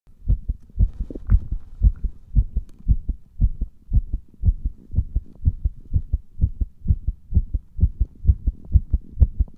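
Steady, deep paired heart thumps recorded with pressure against the chest, in a quiet room.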